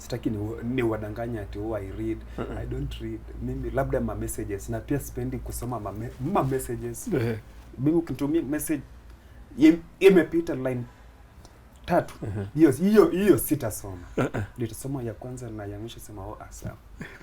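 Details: Adult Kenyan man, a comedian who describes himself as a stammerer and uses stammering in his comedy to raise awareness; stuttering (stammering).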